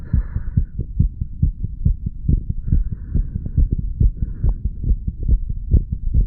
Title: HeartBeat Recording of 35 Year Old under influence of Medical Marijuana and Tobacco.